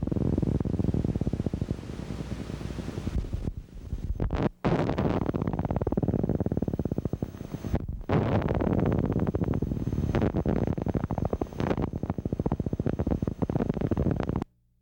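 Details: Needle EMG teaching recording of positive sharp waves, which are more easily evoked by needle movement and have the same electrophysiological characteristics and clinical significance as fibrillations, indicating denervation.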